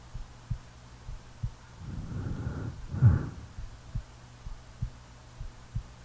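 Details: Real recording of a sleeping person: soft, regular low heart thumps about 60 a minute with one snoring breath in the middle; normal resting heartbeat with snoring.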